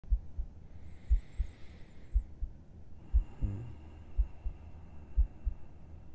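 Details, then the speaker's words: ASMR heartbeat recording as if heard with the listener's head on the chest at bedtime: slow, steady, soft paired thumps, about 60 beats a minute, faint background hum; calm normal heartbeat. "Is it beating peacefully? It's only because you're here. Nothing brings me more peace than knowing you're safe."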